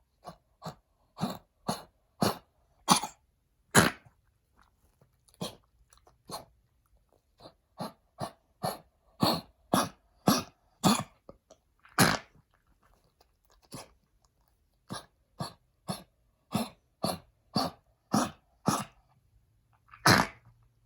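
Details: Blind senior Pekingese with heartworm-damaged lungs, on lifelong lung medication, coughs in repeated short, harsh bursts; chronic cough during heartworm treatment.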